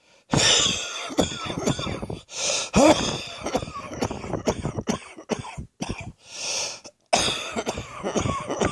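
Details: Morning cough with wheeze during a viral illness, wheezing on the chest: repeated harsh, wet-sounding coughing bouts with throat clearing and whistling, wheezy breaths between them.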